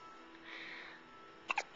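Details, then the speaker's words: Recorded in 2009 with a Flip Video camcorder, just before feeding time: two short, sharp hiccups close together near the end, over quiet room noise; hiccups. "you have the hiccups don't you yes you do"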